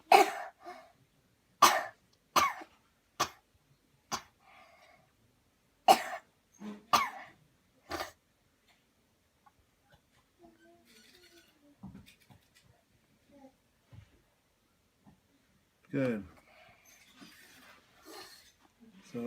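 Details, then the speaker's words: An adult, guided through several deep breaths, takes a deep breath in and then gives a series of about eight sharp, deliberate voluntary coughs, as a demonstration of a cleansing coughing technique; then quieter breathing and a brief voiced sound. "Okay, here we go. Breathe in deep, deep, deep, cough."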